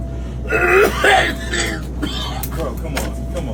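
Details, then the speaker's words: An adult man fakes harsh, voiced throat-clearing and cough-like bursts in a skit set on a plane, blaming a tickle in his throat, over steady cabin engine hum; an acted cough. "I'm trying, man. I got a tickle in my throat."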